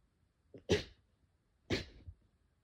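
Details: Two short, sharp, breathy sneezes about a second apart, each with a quick lead-in.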